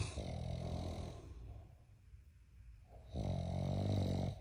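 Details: Giant Mastiff puppy snoring very loudly: deep, rumbling, rattly breaths on inhalation with a quiet pause between, loud snoring from a sleeping large dog.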